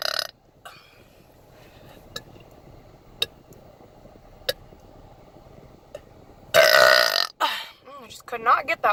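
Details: Woman burping repeatedly and fast while in her car: soft clicks, then a loud drawn-out belch followed by several rapid voiced burps with wavering pitch; repeated burping.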